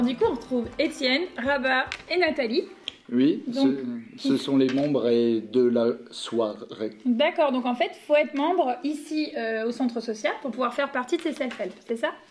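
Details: Adult speaker; ordinary speech.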